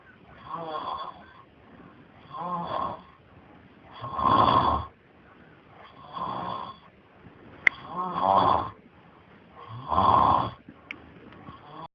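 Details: Steady rhythmic snoring from a sleeping person, about one vibrating inward snore every two seconds (roughly 30 a minute) with quiet breaths between.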